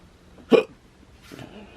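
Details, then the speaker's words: Person with a severe case of hiccups that they say hurt their chest and head: one sharp, abrupt voiced hic with a quick catch of breath, then a softer sound, a sudden diaphragm spasm with the throat snapping shut. "all right guys I got the serious case of hiccups and it"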